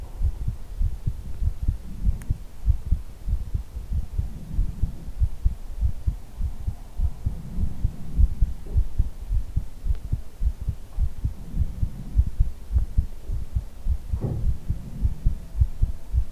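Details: Heartbeat ASMR recording made close up for a simulated head hug: soft, steady low thumps under a faint hum; a heartbeat.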